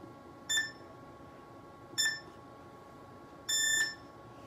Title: Smart-Wave Shockwave therapy machine BS-SWT2X 3-in-1 version(Physiotherapy, Beauty, ED)